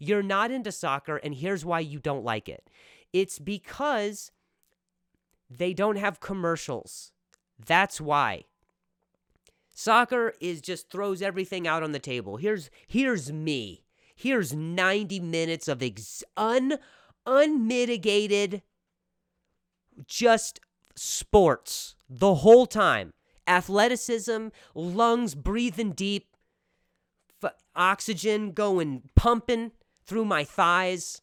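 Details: Real stuttering in an adult male comedian speaking casually on his own podcast.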